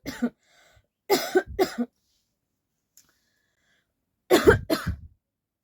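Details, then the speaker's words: Deliberately faked cough, not real illness: five short, forceful coughs in three groups; voluntary cough. "Real coughing तो अभी नहीं हो रहा है सच में यह फेक ही कर रहे हैं हम"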